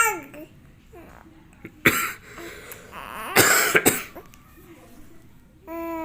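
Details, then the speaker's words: Small child coughs a few short, sharp times amid babbling and room noise, possibly real or just acting in front of her father. "Nah, batuk juga. Dede batuk juga."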